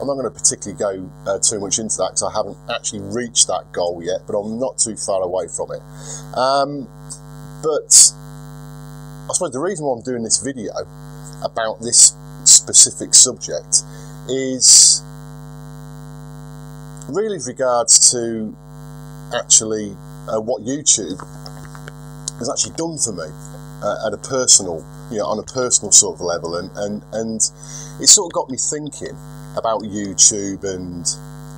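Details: 42-year-old man who has stuttered for as long as he can remember, much improved over 4 or 5 years but still stuttering occasionally, worse under stress; unedited footage; word repetition; stuttering.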